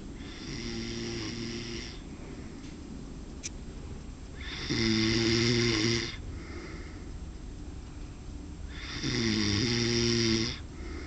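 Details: Man napping (the nap stretched to three hours of sleep) who doesn't believe he snores: loud rattling snores on each inhalation, about 14 breaths per minute, with quieter breathing between; ordinary snoring.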